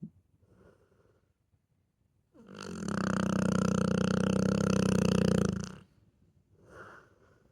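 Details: Snoring from a sleeping pet Pitbull dog, described as louder than a grown man.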